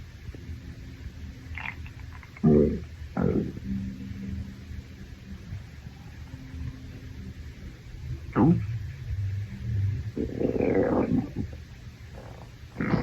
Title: Male stomach growl after Shower